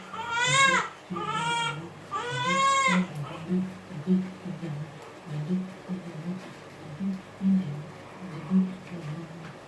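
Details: Fussy baby being soothed to sleep: three loud wailing cries, then softer fussing and whimpering amid room noise; ordinary fussy infant crying.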